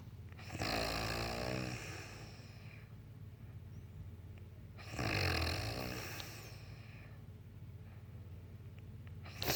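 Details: Grandmother snoring: two loud, rattling snores on the in-breath, about 14 breaths a minute, with quiet out-breaths between.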